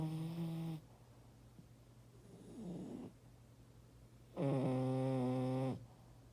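Two drawn-out, tonal, whistling snoring sounds separated by a softer breath, over a steady low room hum.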